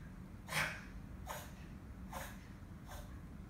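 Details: Reverse sneezing in a Chihuahua: four rapid, noisy snorting inhalations, choking or gagging-like, as if something is stuck in the throat.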